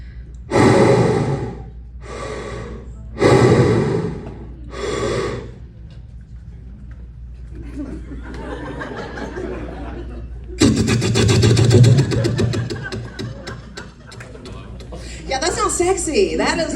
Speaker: I did not just sound like Darth Vader y'all I sound like Darth Vader and Hannibal Lecter had a baby seriously this is what I sounded like when I had sleep apnea